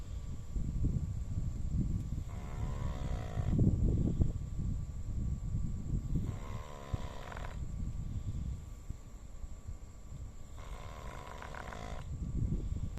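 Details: Dog snoring loudly in sleep: three slow, drawn-out rattling breaths over a steady background hum, about 14 a minute.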